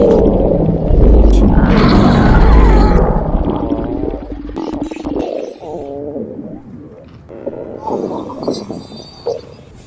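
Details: Tummy growling: low, drawn-out gurgling and growling rumbles that rise and fall over several seconds; loud stomach rumbling.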